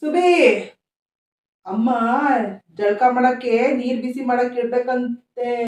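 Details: Acted stuttering by an adult male actor in a Kannada comedy skit, playing a son whom his mother calls a stutterer who cannot speak straight.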